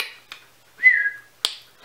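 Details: Whistling vocal tic from an adult woman with a Tourette-type tic disorder, on a day she describes as very ticky, which she links to cold weather.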